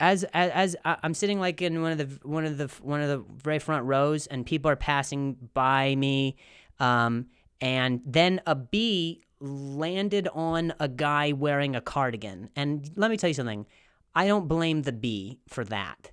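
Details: Stuttering in an adult male comedian who has a stutter, speaking in real, unscripted podcast storytelling.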